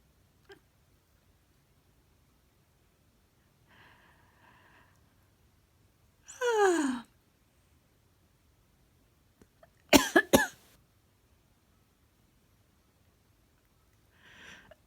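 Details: A burst of two or three sharp explosive sounds, a person's sneeze or cough, followed by a short falling chirp and soft chatter from a black cat that talks after the owner sneezes or coughs.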